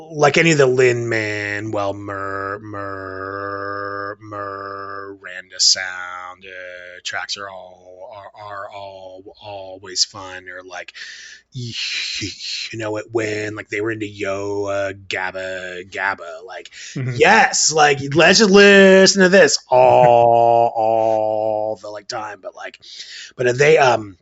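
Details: Adult male father who describes himself as having a stutter and speech issues; repetitions and fillers: stuttering.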